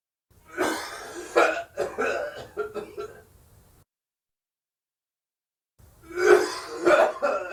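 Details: Acted sound effect of a man's dry, forced cough: two runs of dry coughs with throat clearing and a pause between.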